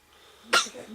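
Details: Joshua, waking from sleep: a single brief explosive burst, a small sneeze, over quiet room noise.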